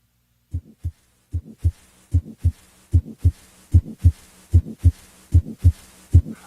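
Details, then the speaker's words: Grade 1 of 6 heart murmur: regular heartbeat near 75 a minute with a very faint murmur, heard only after tuning in and possibly not in all positions. "using the six point scale grade one indicates a murmur that is very faint and heard only after the listener has tuned in it may not be heard in all positions"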